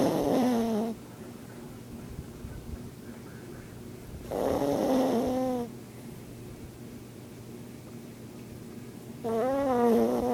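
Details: A sleeping pet dog snores: three loud, rattling snores about three to four seconds apart with quiet breathing between.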